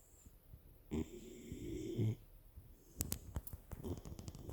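A loud rattling snore with a whistling edge during one breath, then snuffling and clicks.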